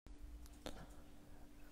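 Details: An adult man, a sheikh asked the ruling on knuckle cracking, cracks his finger knuckles: a few quick, sharp pops over a low steady room hum.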